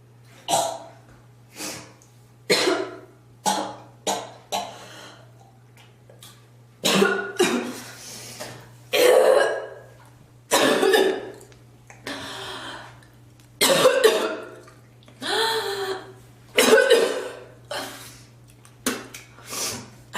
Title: girl coughing and spitting ❣️